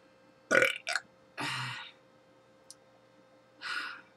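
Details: Adult burping in the morning after drinking cola: three or four short, throaty belches separated by quiet pauses; ordinary burping.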